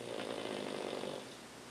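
A brief, rough, rattling snore from a flat-faced small dog, with a noisy, fluttering breath sound.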